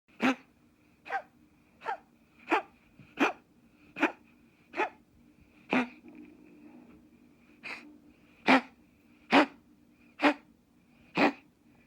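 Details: American gray cat with a paroxysmal fit of about thirteen short, forceful hacking bursts without recent food intake; the owner is unsure whether it is choking, coughing or something else.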